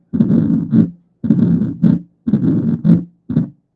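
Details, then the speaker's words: Rheumatic mitral regurgitation, about 60 beats a minute: an early systolic snap attached to S1, making S1 sound split, followed by a systolic murmur. "Correcto. Esto es un chasquido protosistólico pegado al S1. Esto nos dice que es algo reumático."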